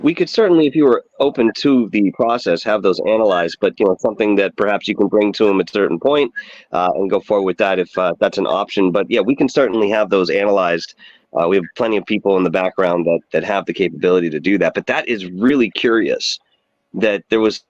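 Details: Adult man speaking; normal speech.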